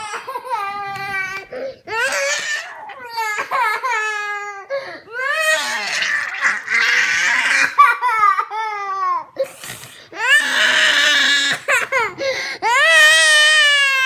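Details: Young child crying for over eight minutes, repeated high-pitched wailing with sobbing breaths between, in a small room with music, while asked what's the matter and offered juice: ordinary crying.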